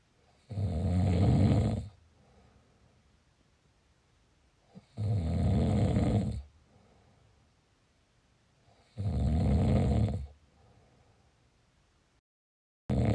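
Three loud, low rattling snores about four seconds apart, roughly 15 a minute, with quiet pauses between them.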